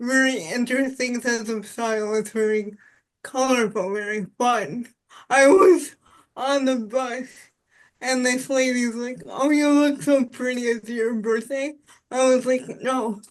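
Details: Dysarthria in an adult woman with spastic quadriplegic cerebral palsy since birth, with high muscle tone in all four limbs; she says voice assistants struggle to recognize her speech.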